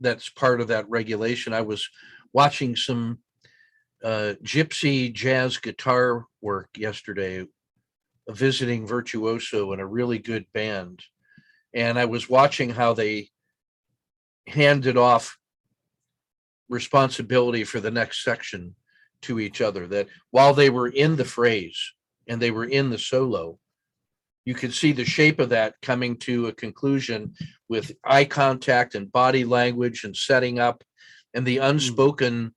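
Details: Adult male speaker; normal speech.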